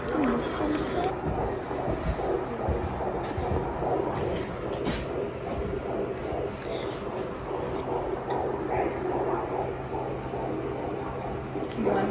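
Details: Fetal heartbeat heard on Doppler at a midwife prenatal appointment around 16 weeks of pregnancy: a fast rhythmic whooshing pulse at about 145 a minute, a normal finding.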